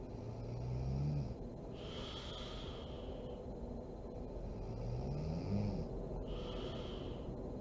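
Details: A sleeping mother snoring: low, rattling snores on slow breaths over a steady background hum; snoring during sleep.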